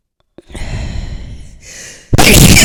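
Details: Adult deliberately sniffing a Chinook powder placed on paper to induce sneezes: a drawn-out indrawn breath builds to one loud explosive sneeze set off by the irritant powder.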